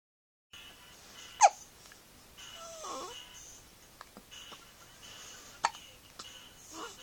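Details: Hiccups in a 2-week-old newborn struggling to sleep: two or three short, sharp hiccups with soft infant fussing sounds between them in a quiet room.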